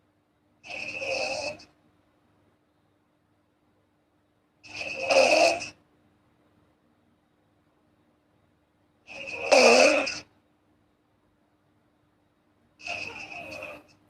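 Four raspy snores at regular intervals, about 14 a minute, with silence and a faint steady hum between them. Snoring.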